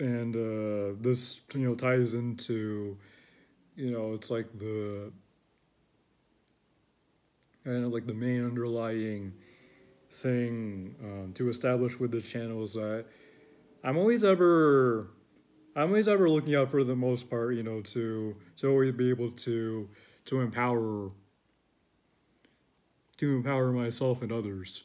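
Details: Adult male who describes his own speech as stuttering, disjointed, with a constant struggle to find the right words; word and phrase repetitions; stuttering.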